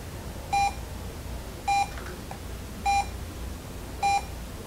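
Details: A monitor gives four evenly spaced beeps, about 51 per minute, over low room hum, during an EKG lesson: a regular slow rhythm, sinus bradycardia.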